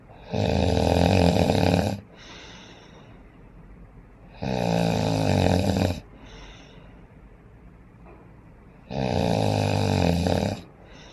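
Loud, harsh rattling snores on each in-breath, three in 11 seconds, about 16 breaths a minute, with quieter breathing out between.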